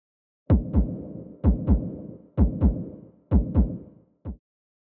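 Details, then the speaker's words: Korotkoff sounds over the arm with a stethoscope and manual cuff, inflated past radial pulse loss at about 140: paired soft thumps about 64 a minute during deflation, first heard at 130 systolic, gone at about 80 diastolic; reading 130/80. "and what we're listening is for the first sound which is our systolic blood pressure and i heard that at 130 and for our diastolic sound our diastolic blood pressure which is the absence of sound"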